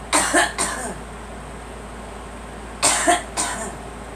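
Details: Girl coughing while told to sit up and let it out; two clusters of two to three short, wet-sounding cough bursts with quiet room noise between, repeated coughing.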